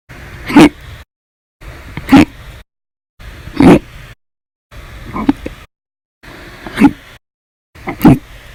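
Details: Hiccup bout lasting 13 hours 32 minutes after breakfast, lunch and a cup of soda after dinner: six sharp, loud, gulping hiccups at regular intervals, about 40 per minute.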